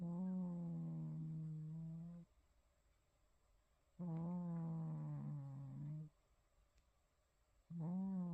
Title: Rippen snoring